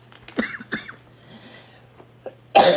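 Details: Adult woman who is under the weather. A few short coughs, then a louder harsh cough at the end, in a quiet room with a low steady hum: cough.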